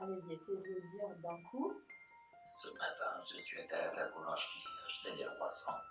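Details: Tracheoesophageal voice after laryngectomy, stoma occluded by hand, during a speech therapy exercise on placing pauses in a sentence.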